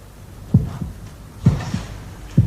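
Regular low double thumps, about 65 beats a minute, in a heartbeat played back in a television drama.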